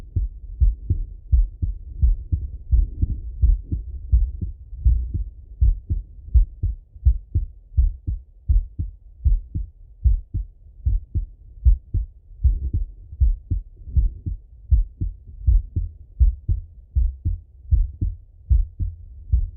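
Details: Male, heart auscultated by stethoscope while sitting at a desk or lying in bed: steady paired lub-dub sounds at about 80 beats a minute with no extra sounds, normal heart sounds.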